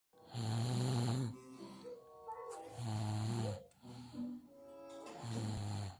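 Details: Loud, rough, low-pitched buzzing snores repeating about every two to three seconds; snoring.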